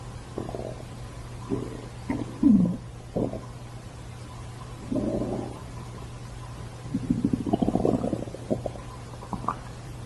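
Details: Stomach growling: low gurgling and rumbling bursts over a steady hum, ordinary bowel sounds (borborygmi).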